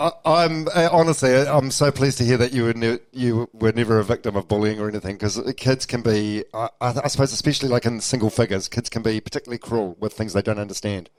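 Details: Adult male speaker; normal speech.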